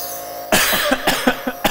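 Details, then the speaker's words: A run of about five short, sharp irritant coughs from an adult pharmacist inhaling concentrated 7% hypertonic saline from a nebulizer; the very salty mist felt irritating. "But it it makes you cough cuz it's irritating. Like, this is really, really concentrated stuff here."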